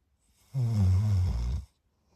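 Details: Sleeping puppy with one loud, deep, rumbling monster-like snore lasting about a second, with a rough low vibration through the breath; snoring.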